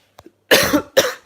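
Two harsh, chesty cough bursts after a couple of faint clicks, in a man with a cold.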